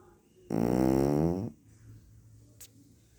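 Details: Small dog snoring: a single loud, buzzing snore lasting about a second, followed by quiet room noise.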